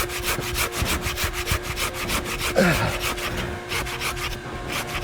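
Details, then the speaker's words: Rhythmic rasping strokes of a sanitized hand saw cutting through soft velvet antler, like sawing a potato or watermelon, during velvet antler removal from a farmed elk after the velvet skin was sliced with a scalpel and a tourniquet applied. "we use the sanitized hand saw for the actual removal of each individual antler it's it's much like sawing through a potato or a watermelon in its consistency"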